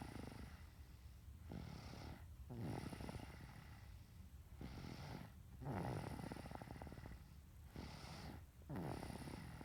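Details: Steady snoring during sleep: low, rumbling, rough inhaled snores repeating about 19 times a minute, with quiet gaps between.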